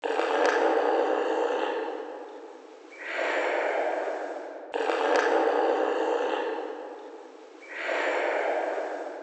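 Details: A husband's heavy snoring during sleep: two long, loud, rasping breaths with noisy airflow, each swelling then fading.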